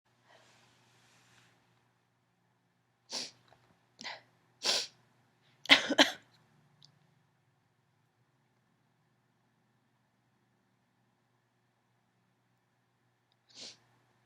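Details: Female allergy sneezing fit: a rapid run of sharp sneezes, mostly stifled but some too powerful to hold in, with lots of sniffling and one later sneeze after a pause.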